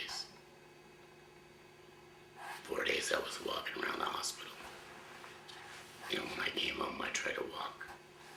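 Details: 53-year-old man about one year after total laryngectomy for throat cancer; voice prosthesis placed two months ago, now used with a hands-free device rather than finger occlusion of the stoma; used an electrolarynx for the first 10 months; finding: tracheoesophageal speech after total laryngectomy.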